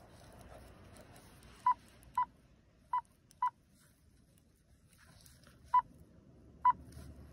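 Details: Power-on check of an OT-707 infusion pump: six short, identical mid-pitched electronic beeps at uneven intervals as it switches on; infusion pump power-on beeps.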